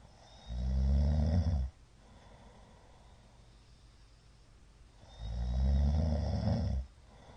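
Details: Middle-aged man's (ojisan) snoring during sleep: two loud, rough, low rumbling snores with a long quiet gap; frequent shallow hypopneas suggest sleep apnea syndrome.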